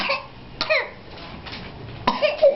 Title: Symptoms of Whooping Cough